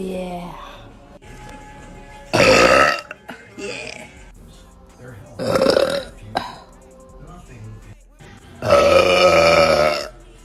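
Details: Girl burping: three loud, long, deep belches with music playing in the background; burping.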